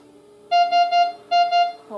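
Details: Breas Vivo 45LS home ventilator alarm: a repeating electronic tone in two bursts of short beeps, signalling an alarm condition.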